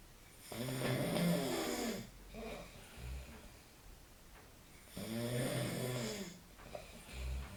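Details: Adult man (friend) snoring during night sleep: two long, loud, vibrating snores on the in-breath, each followed by a short quiet out-breath; regular heavy snoring, about eight breaths a minute.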